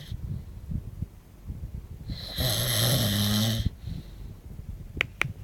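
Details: Adult snoring during sleep: one loud, harsh, rattling snore on an in-breath, with quiet room noise around it. Snoring.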